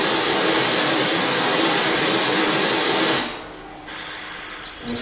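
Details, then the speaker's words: Simulated tinnitus played through a speaker during a lecture on hearing-aid therapy for tinnitus and hearing loss: steady loud hissing, rushing noise for three seconds, then a high whistling tone. "abbiamo sentito un fischio tipico ma abbiamo la possibilità di avere un brusio prima lo hanno descritto i colleghi un crepitio un Ronzo è già stato anche difficile associare certi rumori a certi stimoli un"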